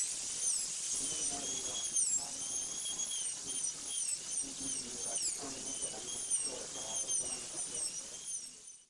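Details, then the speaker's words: Steady high-pitched whine dipping as the diamond cuts a 1 mm shoulder around a maxillary incisor after about 2 mm incisal reduction, for a supragingival PFM crown preparation; high-speed dental drill. "create a one millimeter shoulder all the way around the tooth always keeping the tip of the bird Dimond parallel to the surface that you are working on"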